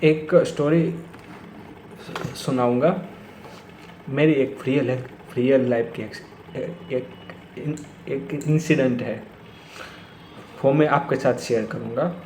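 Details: Stuttering in an adult man speaking Hindi who says he has stammered for many years, worse when talking to his father, with blocks on the 's' sound.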